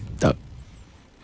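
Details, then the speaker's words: Cardiologist's vocal imitation of an aortic stenosis murmur, narrowed aortic valve in a patient with chest pressure, shortness of breath, dizziness: near quiet, then harsh, rising breathy whoosh. "that's a valve called the aortic valve becoming narrowed aortic stenosis"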